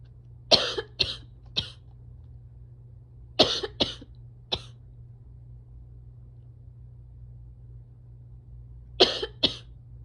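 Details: Eight short, sharp coughs in three separate fits over a steady low hum, from a coughing compilation recorded in July; cough.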